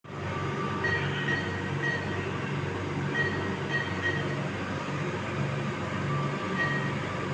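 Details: Steady mechanical rumble with rhythmic low pulsing and brief high tones from a ventilator in CPAP mode supporting a 30-week, low-birth-weight baby with respiratory distress syndrome; CPAP ventilator noise.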